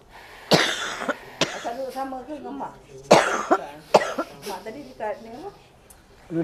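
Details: Patient with frequent fever, frequent cough and shoulder pain during an Islamic spiritual healing session: several harsh, explosive coughs with throat clearing, mixed with voice sounds in a quiet room; frequent cough.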